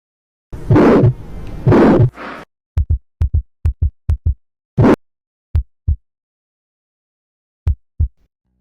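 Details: Bovine heart auscultation with a stethoscope, heard deep in the chest in a veterinary auscultation guide. A louder noisy opening is followed by paired low thumps at a slow rate: normal first and second heart sounds.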